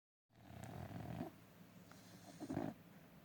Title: Snoring dog